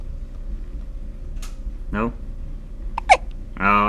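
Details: A person with recurring hiccups: two short, sharp voiced gasps over low room hum, followed by a brief vocal sound.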